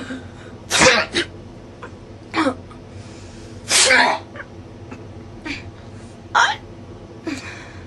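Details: A run of about five sharp, explosive bursts of air with small breaths between: repeated sneezing, triggered by incense smoke (frankincense and myrrh) that made the nose sting.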